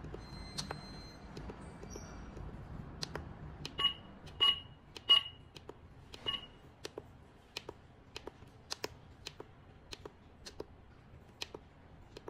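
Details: Short electronic beeps among sharp handling clicks from an Innotronik K3 Pro voice-broadcast infrared thermometer; no spoken readout is audible here.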